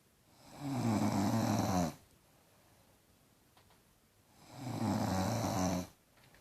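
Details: Sleeping daughter snoring loudly, louder than the TV: two loud, rattling inspiratory snores about four seconds apart, each over a second long, with quiet breathing between.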